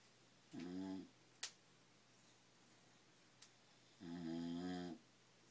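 Two low, buzzing snores on breathing in, about three seconds apart, with faint clicks between; snoring in a sleeping dog.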